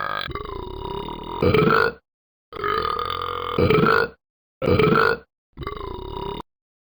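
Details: Person with stomach upset: four long, loud voiced belches in quick succession, each rising into a gurgling burst near its end; repeated burping.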